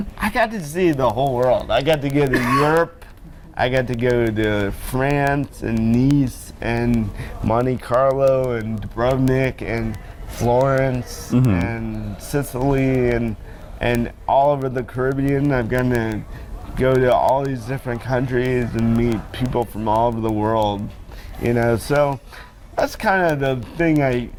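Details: Adult man born with cerebral palsy, self-described as very mild, with reduced balance and strength, attributed to damage in the brain area controlling muscles; dysarthria (cerebral palsy).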